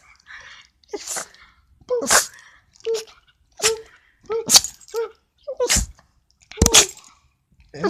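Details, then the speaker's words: Dog's sneeze attack: about eight sharp nasal sneezes in quick succession, roughly one a second, a sneezing fit. "Good, you okay? You having a sneeze attack?"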